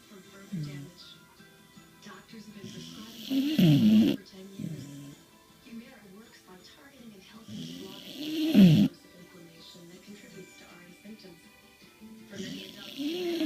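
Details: Slow, rough snores, about 13 a minute, from a sleeping corgi, with television talk and music in the background; snoring.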